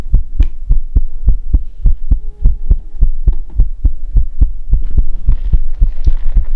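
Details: ASMR heartbeat recording: regular deep thumping heartbeats, about 105 a minute, with a low hum underneath.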